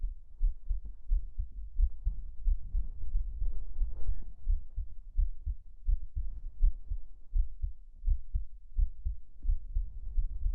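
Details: Steady normal heartbeat, about 80–90 per minute, under heavy soft fabric rustling; ASMR heartbeat recorded while hugging under a futon/duvet.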